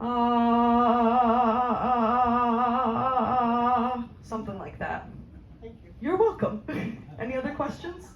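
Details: Speech therapist demonstrating a vocal tremor on request (acted), a shakiness of the voice on a sustained 'ah'; vocal tremor.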